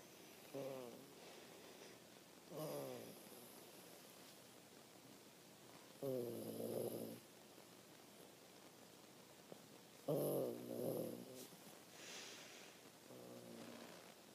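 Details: Terrier dog snoring and vocalizing in sleep: soft, fluttering snores recurring irregularly, about fifteen a minute, some in quick double bursts, over a quiet room.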